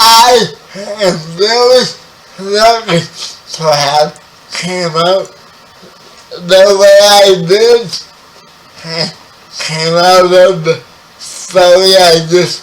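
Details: 30-year-old man with spastic quadriplegic cerebral palsy, born 11 weeks premature; dysarthria.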